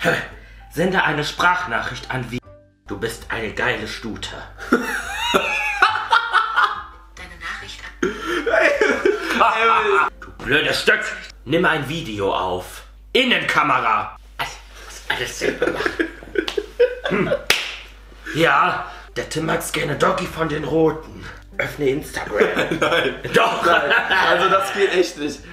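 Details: Male with Tourette syndrome producing vocal tics, including sudden exclamations and insults; vocal tics (Tourette syndrome).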